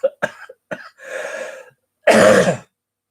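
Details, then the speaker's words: A man clears his throat a few times with short sounds, then gives one harsh cough. He says it came after eating something without a drink and that he is well. "So you'll enjoy it. But yeah, I'll give it a 7 out of 10, which is a good rating from me anyway. But yeah, it would have got a little bit. Excuse me, I'm coughing now."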